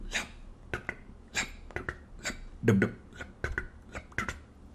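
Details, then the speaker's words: Vocal imitation of heart sounds: a single first sound, then a doubled second sound, showing physiological splitting of the second heart sound on deep inspiration from delayed pulmonic valve closure. "so this delayed closure of the pulmonic valve is the major effect leading to the splitting of the second heart sound during inspiration"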